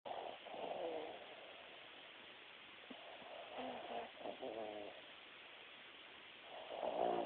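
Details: Snoring: soft, fluttering snorts and rattling breaths come and go with quiet gaps between them, fitting light snoring.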